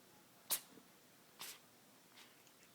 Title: Sneezing cat